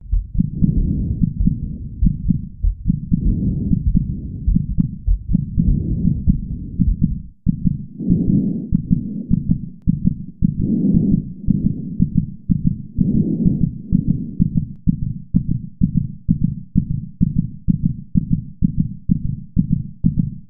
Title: hearing heartbeat and breathing